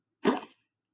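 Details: Female cat coughing: a single short, harsh expulsive burst.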